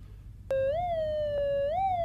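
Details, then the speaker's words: Toe pressure assessment with a Hideko ES100V3 Doppler on a supine, rested patient: silence, then a sudden steady whistling tone rising and falling with each beat as toe arterial flow returns, first signal at 125 mmHg. "You will also notice a significant change in sound frequency when blood flow has returned."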